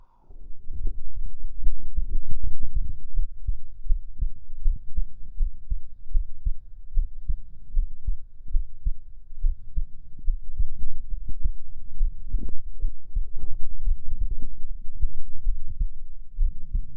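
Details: Heartbeat ASMR of the speaker's own heartbeat, listener imagined resting head on chest: steady, soft low thumps of a regular heartbeat with a muffled hum; normal heartbeat.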